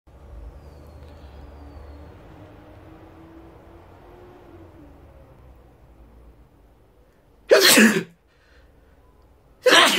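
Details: Two loud, explosive sneezes about two seconds apart after a quiet stretch; ordinary sneezing.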